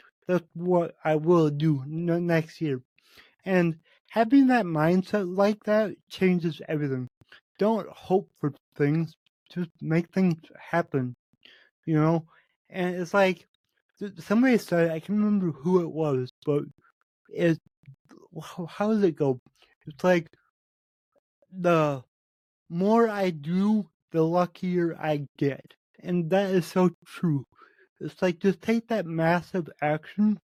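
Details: Adult man with cerebral palsy, which he says affects every muscle in his body; he reports his speech has improved over the past 8 months as his health improved; real spontaneous speech; dysarthria associated with cerebral palsy.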